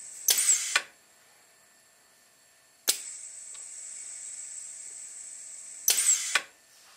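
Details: Repeating mechanical clicks and bursts of hissing air from a proof-of-concept ventilator whose rubber ram, driven by an air cylinder, compresses a 1500 ml manual resuscitator bag through a PEEP valve; mechanical ventilator cycling with PEEP valve.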